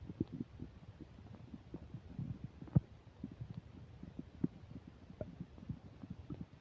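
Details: While eating a burger and fish fries with self-described upset digestion, new microphone picks up faint continuous low bubbling and frequent small gurgles with a few louder pops over light static; active bowel sounds (borborygmi).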